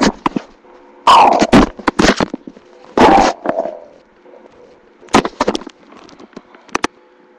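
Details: Stomach growling in a hungry person: irregular bursts of gurgling and rumbling from the belly.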